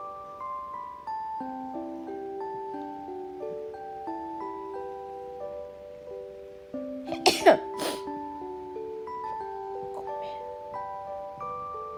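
Two quick, sharp little sneezes from a kitten cut through a soft music-box melody playing in the background.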